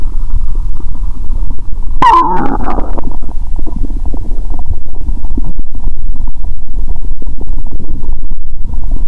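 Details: Stethoscope on the abdomen after eating many Mentos with zero-sugar cola, belly swelling and painful: low gurgling and rumbling with a louder burst of bubbling; active bowel sounds.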